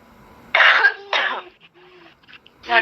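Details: Woman seven months pregnant with a cough that doctors could not explain medically: two harsh, rough coughs close together, then a faint third.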